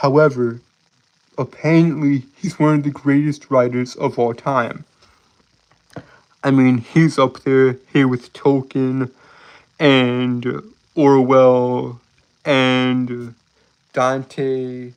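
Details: Male streamer who says he has a speech impediment and compares himself to Porky Pig; stuttering.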